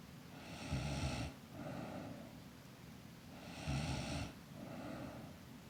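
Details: Sleeping girl snoring: rattling snore on each breath in, softer breath out, about every three seconds.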